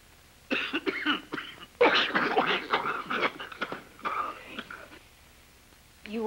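An adult gives a run of harsh, forced coughs with throat clearing, acted for a comedy skit; a deliberate, exaggerated cough.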